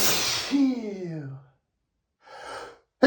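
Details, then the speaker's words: Male adult sneezing during a desperate daily sneezing fit, announcing sneezes; a forceful, wet sneeze trailing into a drawn-out voiced exhale, then a breathy sigh, one of a run of repeated sneezes. "You I sneeze so much every single day. [snorts] [sighs] I can't help it. I'm sorry. I'm going to sneeze. I have to sneeze."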